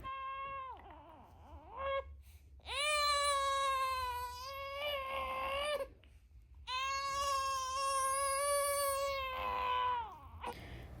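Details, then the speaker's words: Three-week-old boy put in his bassinet for a nap during sleep training: long, high-pitched wails with breaths and short whimpers between them, an ordinary newborn cry. "And at first he starts fuzzing and crying and I just kind of wait for him to settle down to see if he will actually stay in the bassinet."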